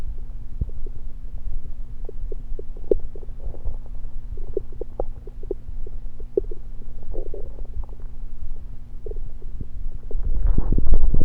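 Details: Stomach recorded while gulping Diet Pepsi: low rumbling with frequent short gurgles and pops, ordinary bowel sounds while drinking soda.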